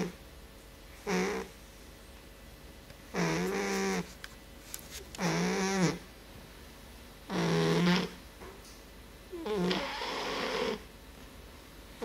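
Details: Sleeping British Shorthair Blue male cat, overweight, snoring: five loud, rattling snores about one every two to three seconds in a quiet room.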